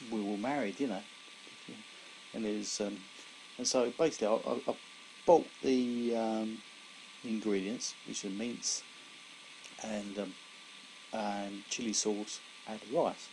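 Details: Aphasia in an adult man 17 years after a severe stroke in February 2001 affecting his right side and speech, still recovering after speech therapy, reporting his speech is slower than before.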